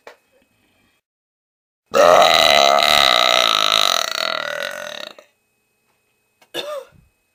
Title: Burping King 3